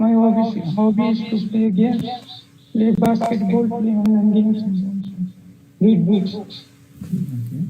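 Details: 19-year-old male with high-pitched, feminine voice from a childhood habit of vibrating only the thin vocal-cord edges despite puberty growth, recorded before online voice therapy; puberphonia.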